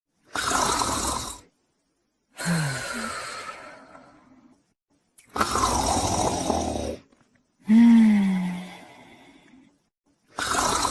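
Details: Snoring in a sleeping female Borzoi dog: loud, rough breathing sounds in long bursts separated by pauses, some ending in a groan-like tone.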